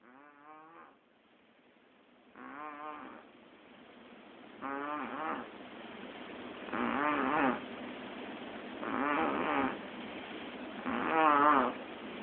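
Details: Snoring during an afternoon nap: steady, droning, buzzy snores on each breath in, roughly 28 a minute, over faint background hiss.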